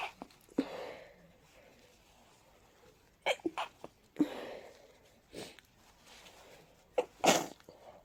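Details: During a cold with a stuffy, sensitive nose, several sharp, explosive sneezes come with quick breaths drawn in between, in a quiet room; repeated sneezing leading into a rapid sneezing fit.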